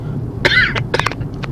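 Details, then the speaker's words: An adult riding in a moving vehicle, something in the air making them cough a lot, gives a short run of two or three dry coughs over a low vehicle hum. Cough. "I don't know something in the air is making me cough a lot so sorry when you listen to this on YouTube"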